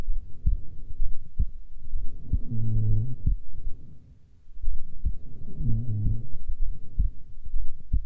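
Steady low thumping heartbeat at roughly 70 beats a minute, regular rhythm; an ordinary resting heartbeat.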